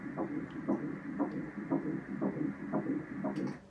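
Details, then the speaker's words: Doppler monitor in early IVF pregnancy, nearly 12 weeks: rapid, regular whooshing pulses, roughly 115 to 120 a minute, the fetal heartbeat. "got a heartbeat"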